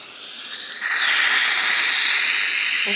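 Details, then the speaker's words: Dental air-water syringe water spray rinsing a patient's teeth, held 3–5 mm from the tooth at about 45°, run along all the teeth; steady hiss growing louder as water flow increases. "to rinse the patient I'll usually hold the water about 3 to 5 mm away from the tooth itself at about a 45°"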